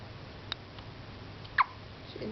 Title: Hiccups.AVI